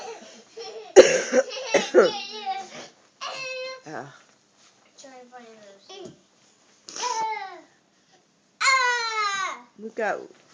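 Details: A single brief adult cough while a young child dances nearby, followed by the child's high-pitched babbling and squeals in a small room.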